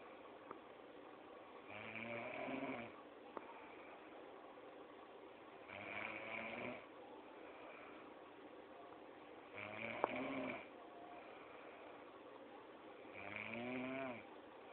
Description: LMAO my roommate snoring..and i recorded her LMAOO